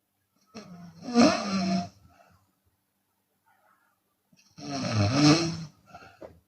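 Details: Two loud, rough snores each followed by a soft breathy exhale in a quiet room, from a Chinese woman snoring with her mouth open.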